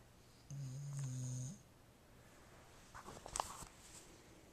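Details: Dog snoring: one low, buzzing snore lasting about a second in a quiet room, then soft breathing and small noises.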